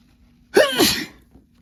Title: Strong spray sneezes and nose blows